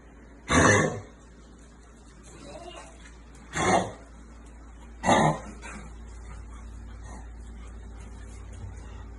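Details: Dog cough: three separate harsh, honking bursts, each about half a second, spaced several seconds apart over quiet room noise.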